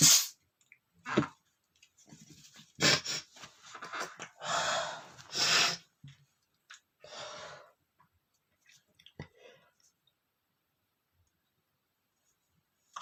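Several hissing, held-in sneezes with sharp breaths between them, air forced out with the mouth mostly closed; stifled sneezing.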